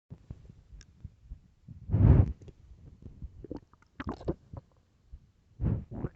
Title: LOUD stomach growls (headphones 🎧)